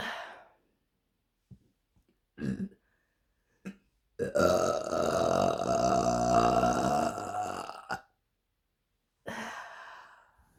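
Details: A long, loud, drawn-out burp lasting several seconds with shorter belches before and after, from a woman: burping.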